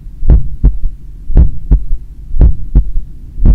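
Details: Loud, regular heartbeat at about 56 a minute with a faint extra low thud after the second sound, recorded by stethoscope at the apex (point of maximum impulse) on the recorder's own chest after an 8 km run; third heart sound (S3).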